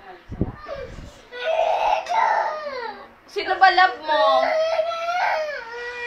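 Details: Baby crying after a phone showing a Daniel Padilla video was taken away: whimpering builds into loud wailing cries with gasping breaths between; infant crying.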